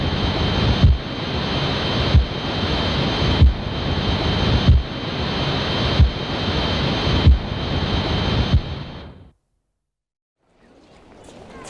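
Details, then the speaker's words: Simulated tinnitus, like ringing ears after a night out or gig: steady high-pitched ringing tones over loud rushing hiss with a dull rhythmic thud. "Most of us have had it. It's that annoying ringing in your ears you get after a night out or a gig."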